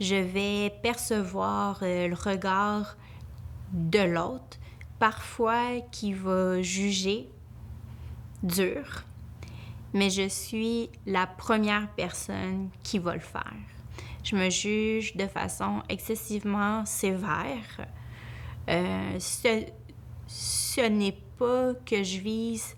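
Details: Adult woman, a family law lawyer, who stutters, with hesitations ('euh'); she reports her stuttering increases greatly when nervous; stuttering.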